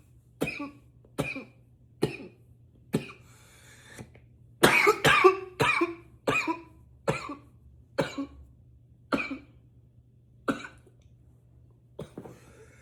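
A run of about fourteen forceful, dry coughs, some in quick bursts, with short pauses between them. These are repeated intense coughs.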